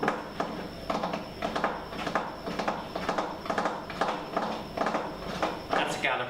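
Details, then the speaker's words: Imitated gallop rhythm (third heart sound) in a teaching demonstration of the cardiovascular examination: a triple-beat cadence of about 110 cycles a minute, described as audible in a failing heart. "we can often hear it as a gallop rhythm the gallop rhythm which or something like this it could go and then it is a gallop"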